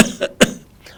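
Two short cough bursts from an adult, produced deliberately as a demonstration of covering the mouth.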